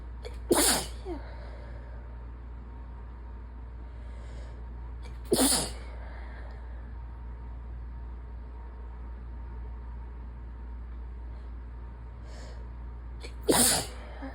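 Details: A person sick with a sinus infection gives three loud, sharp sneezes spaced several seconds apart over a steady low room hum.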